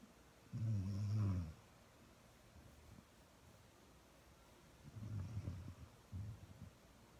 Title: Cuddling with a Snoring Moby Dog